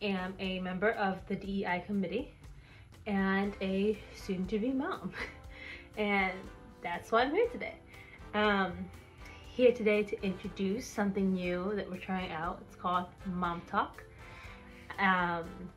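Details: Real stuttering in an adult woman who stutters and is an expecting mother.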